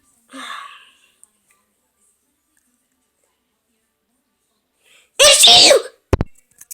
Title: how I sneeze